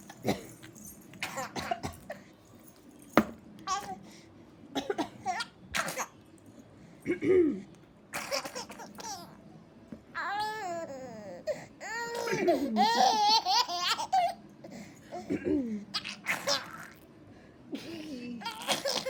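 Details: Grandmother gives repeated short adult coughs, each answered by a baby's delighted laughter and squeals.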